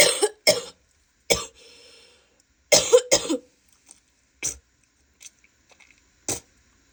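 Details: Female with a wet, productive cough: several short loose coughs and throat clears with gurgling and spitting sounds between them.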